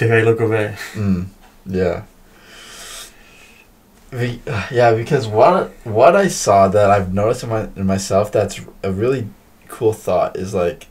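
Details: Woman who stutters, in a podcast conversation about stuttering, stuttering more than usual, with repetitions of words and part-words; stuttering.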